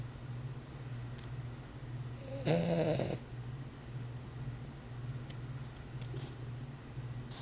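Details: A sleeping Weimaraner gives one brief rattling, snort-like snore against a steady low hum; snoring in a sleeping dog.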